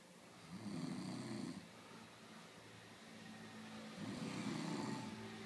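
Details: Two loud, rough snores on the in-breath about three seconds apart, quieter breathing between; snoring loud enough to keep everyone awake.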